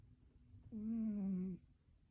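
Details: Snoring from a one-eared cat: one drawn-out, low, buzzy breath with slightly falling pitch in a quiet room.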